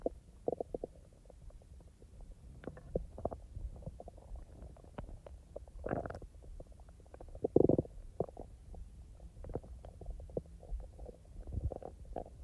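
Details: Real stomach sounds recorded from the person's own active stomach, not in real time: irregular gurgles, pops and longer rumbles; normal digestive bowel sounds (borborygmi).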